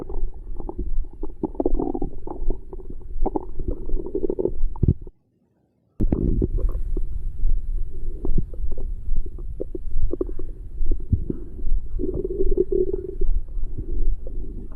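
Low gurgling and rumbling abdominal sounds with a short silent gap; ordinary stomach growling after a meal.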